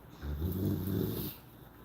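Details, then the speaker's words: Adult female Cane Corso (Italian Mastiff) near her puppies: a single deep, rough, rumbling breath; owner says the sound can be heard in her lungs when she breathes deeply; noisy congested breathing. "I don't know if anybody heard that that's her that was her taking a deep breath you can hear that in her lungs when she takes a deep breath"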